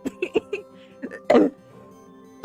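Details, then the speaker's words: Adult streamer's lingering post-COVID cough, not yet gone and expected to persist a while: a few short throat sounds and one harsher cough over soft background music. "um as you can hear my cough is not gone um uh but it does appear like it's like not going to be gone for a good while"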